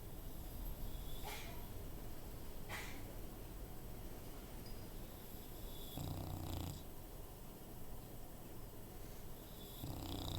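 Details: Female bulldog, sometimes a loud snorer, sleeping: two low, rumbling snores over steady room noise; ordinary snoring.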